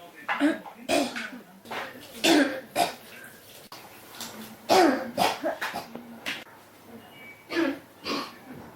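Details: A persistent cough that won't stop, about twenty-five uneven coughs a minute, some throaty and wet; the recording is tagged pneumonia (肺炎).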